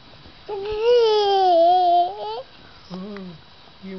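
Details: A sleeping baby boy who had been hiccuping in his sleep gives a brief rising-then-falling crying wail, then a short whimper; infant cry.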